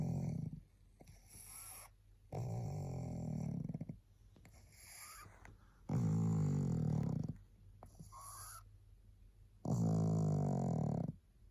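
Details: Tired sleeping pug makes loud, rattling snores with wheezy, whistling breaths between them, about 18 breaths a minute; snoring.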